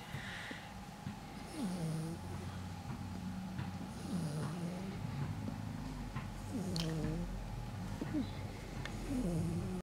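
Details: Sleeping Pitbull puppy: low, rhythmic snoring with whistling, squeaky breaths about every few seconds, over room hum.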